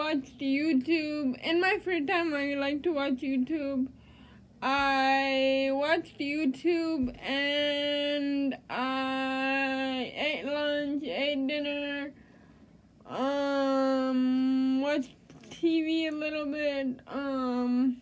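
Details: Dysarthric speech of an adult woman with cerebral palsy.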